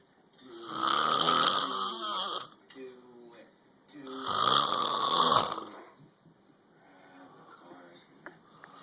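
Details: Roommate sleeping after a night out at the bar, loud enough to be heard down the hall: two long, loud, rattling inspiratory snores with quieter breathing between; heavy snoring.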